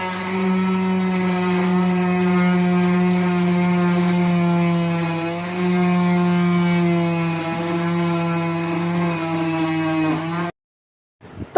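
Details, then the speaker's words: Loud steady buzzing whine shifting in pitch as the blade meets material: an oscillating cast saw cutting a modern plaster leg cast off a frightened, crying female patient in hospital. "प्रथम हे जेव्हा मी machine पाहिलं ना माझी तर बोबडीच वळाली म्हटलं अरे देवा हे कटिंग करताना माझ्या पायाला इजा झाली तर काय करू"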